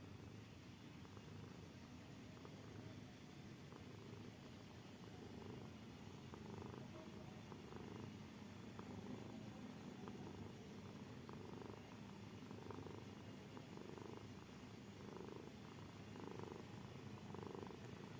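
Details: Cat snoring: soft, rhythmic rasping breaths from a sleeping cat, about 50 a minute, a gentle snore over room noise.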